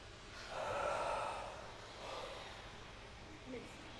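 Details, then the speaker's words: Physiotherapist demonstrating a huff for bronchiectasis airway clearance: long open-mouthed breath out, slightly more forceful than normal, like steaming a mirror, then softer breaths. "I'm gonna take a slow breath in and as I breathe out this time I'm gonna breathe out as if I'm trying to steam up a mirror or a window so keeping your mouth open and tongues up press down on the bottom of the mouth which opens up the back of the throat"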